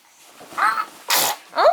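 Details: 4-month-old infant during a photo shoot: a quick indrawn breath, then a sharp explosive sneeze and a brief infant vocal sound; an ordinary infant sneeze.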